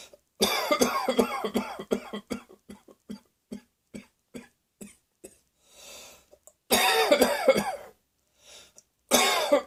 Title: Cross Dressing Coughing 77